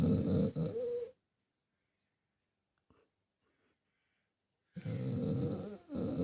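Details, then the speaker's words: A dog, afraid of thunder, sleeping hidden during a thunderstorm, gives two loud, rough, low snores separated by a long quiet pause; heard from another room; heavy dog snoring. "я сидела на кухне и вдруг услышала очень громкий храп Я не поняла кто это потому что дома была одна"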